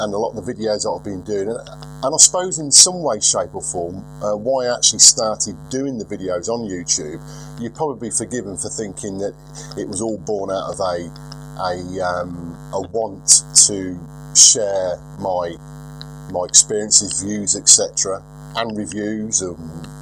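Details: 42-year-old man who has stuttered for as long as he can remember, now milder than years ago; unedited footage; stuttering.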